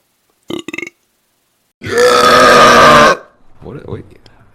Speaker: I can't sing or dance but I can burp